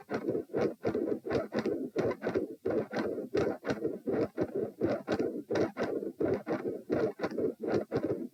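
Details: Recorded standing at position p: loud, rough, continuous machinery-like murmur at about 85 beats a minute that fades in and out, then changes pattern and volume, with split S1 and S2; possible PDA; ASD/PFO pattern not apparent.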